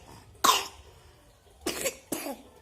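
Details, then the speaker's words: A young child who is sick with a cough and taking medicine: three short coughs, one sharper and then two softer, in a quiet room. "lagi sakit batuk. Adik tato. Doakan semoga cepat sembuh."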